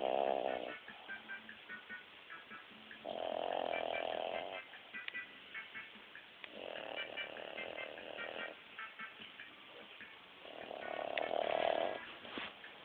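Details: Seven-month-old Boston Terrier snoring: regular loud rattling snores, about one every three to four seconds, with quieter noisy breaths between.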